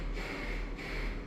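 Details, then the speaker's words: A lecturer vocally imitates a high-pitched, hard, harsh heart murmur while teaching about murmur pitch in pediatric patients; this is an imitation, not a recording. "Is it medium pitched? Is it low pitched? So, if you're I know it sounds kind of crazy with me making the sounds up here, but uh if you're able to do that as you're thinking about it, like is it this pitch is very hard and harsh?"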